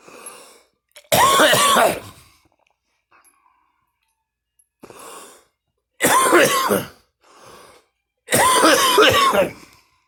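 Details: An adult coughing and gagging: three loud, harsh coughing bouts with retching and gagging sounds, with quieter breaths between them.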